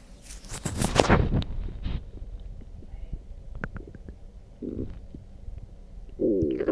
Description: Drank some coffee and it made my belly go craaazy